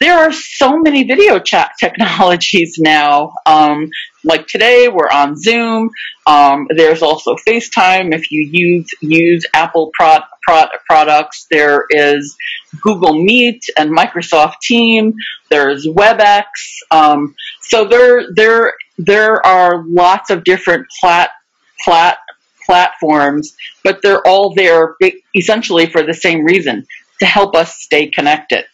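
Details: Real adult who stutters, speaking live in a webinar for people who stutter; stuttering.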